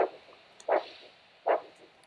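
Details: Handheld Doppler over the ankle arteries at a new-patient podiatry assessment: a normal triphasic "saus-a-ges" arterial signal, taken to indicate good arterial elasticity.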